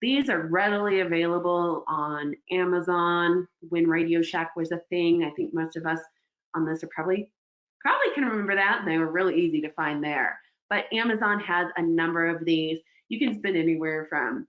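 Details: Adult speaker; normal speech.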